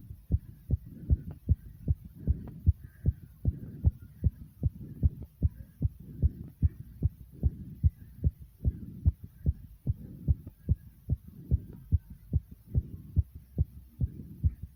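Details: Rapid heartbeat right after 55 jumping jacks: fast, steady, low heart thumps following one another closely, a racing heartbeat after exertion.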